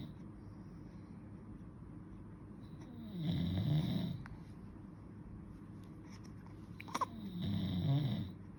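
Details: Two deep, rumbling inhaled snores about five seconds apart, roughly twelve breaths a minute, from a snoring father, with his baby present and reacting; snoring.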